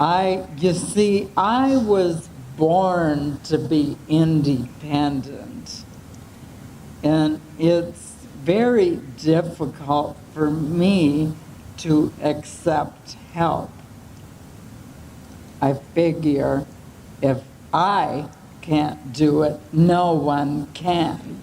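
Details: 75-year-old woman with ALS, onset uncertain, possibly several years ago, with slow speech, voice changes, swallowing difficulty and fatigue; dysarthria (ALS).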